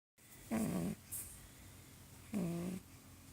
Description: Sleepy Pug puppy sawing some logs.